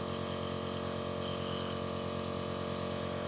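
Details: Steady buzzing motor hum with fast regular pulsing, about 180 a minute, from a Philips nebulizer compressor delivering Ventolin for a child with a cold and cough.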